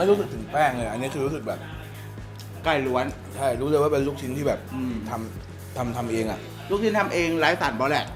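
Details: Adult man speaking Thai; stuttering.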